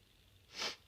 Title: strong itchy sneezes